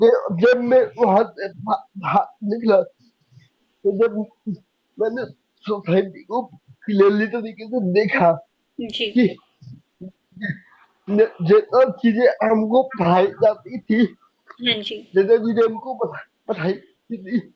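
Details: Young adult man with cerebral palsy since age 2, unable to speak as a child, still needing double effort and unable to speak clearly; slow speech with repeated words; dysarthria from cerebral palsy.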